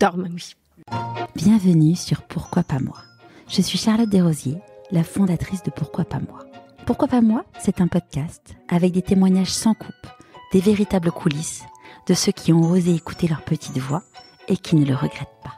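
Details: Adult woman; typical speech.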